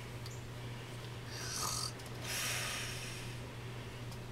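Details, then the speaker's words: 7-year-old boy with autism spectrum disorder (PDD-NOS) lying in bed pretending to be asleep makes two rough, noisy snore-like breaths over a low hum; imitated snoring, not true sleep snoring. "he's pretending to be asleep let me fix the pillowcase so the pillow looks better jack is snoring just like daddy"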